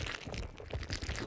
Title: reaction when her stomach growling... again [Hololive ENG Sub]